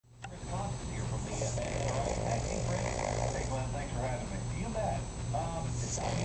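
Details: Sleeping Cavalier King Charles Spaniel, possibly dreaming: continuous low rumbling, snorting breath noise with fluttery snores over a steady background hum; snoring.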